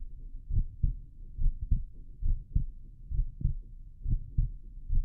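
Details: Normal heart sounds.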